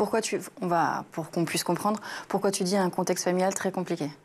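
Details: Adult speaker; normal voice.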